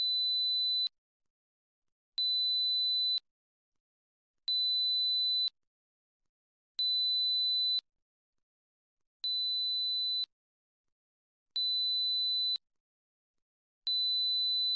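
High, pure, steady beeps, each about one second long with short silent gaps between them. This is a 4000 Hz test tone for checking high-frequency hearing.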